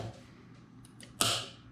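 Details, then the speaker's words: Faint ticks, then a sharp click and a brief hiss of air as a software-controlled solenoid exhale valve opens on a concept open-source COVID-19 ventilator driven by compressed air, letting a masked person breathe freely. "valve when it's open you can see this green virtual LED becomes green to show that it's open"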